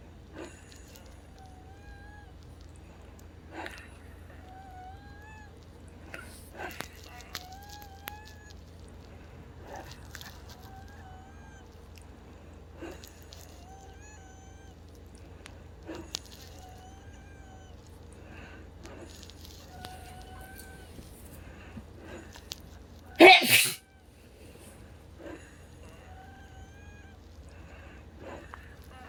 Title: Lung wheezing on 2/15/2024